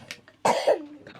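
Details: A single short, harsh cough burst from a child with a cold; siblings also coughing, one child with brain injuries diagnosed with a viral infection and sniffly; cough.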